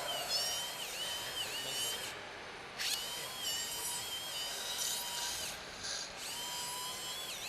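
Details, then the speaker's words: Cadaver demonstration of endoscopic Draf III (outside-in technique), drilling off bone for frontal sinus pathology to maximise the frontal sinus opening: high-pitched whining powered drill with brief pauses and pitch dips as it bites into bone; surgical bone drill. "the next thing to do is drill off all this bone till till the skin of course that is not routinely done in a tumor reection but that's done for handling frontal science pathology"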